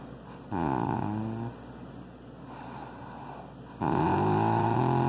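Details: Loud, rumbling, buzzy snores on each breath with softer breathing between them; a dog snoring during sleep in a small room.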